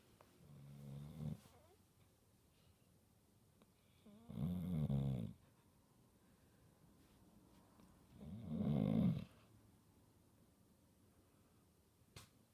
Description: My dog Reese snoring really loud.